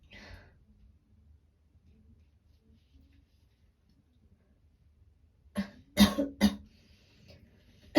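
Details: Real voice, early stage of a cold with sore throat and gagging, recorded two days before it got worse: three short, light coughs close together after a quiet stretch; still a mild cough.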